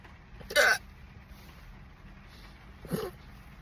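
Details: Unexpected hiccups, with a couple of burps also mentioned: two loud, abrupt hiccups a couple of seconds apart over faint room noise; hiccups.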